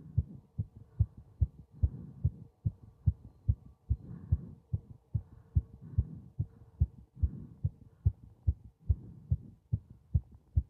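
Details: Heart sounds during paper bag breathing: steady, regular heartbeat at about 140 a minute with a soft hum between beats.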